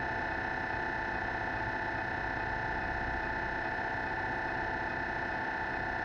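Steady, loud electronic droning with fast buzzing pulses and a high tone throughout: the normal noise of an MRI scanner during a scan.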